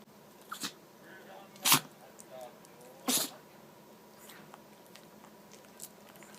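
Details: Chihuahua sneezing nonstop after pressing its nose into the carpet and sniffing, apparently getting something fine inside: two sharp, explosive sneezes with quieter snuffling between; repeated sneezing.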